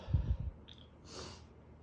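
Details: During a sudden late-night sneezing fit at bedtime, a short run of low, rough nasal snorts comes, then a softer airy exhale through the nose; snorting.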